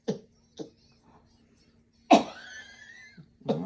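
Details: Adult caregiver-prompted voluntary coughs during deep teeth brushing with suctioning, after water to wet the mouth: four short coughs separated by pauses over a steady low equipment hum, clearing his throat.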